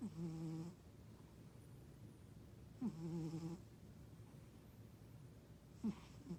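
Soft, regular buzzing snores on each in-breath, about 20 breaths a minute, from a sleeping cat; harmless snoring.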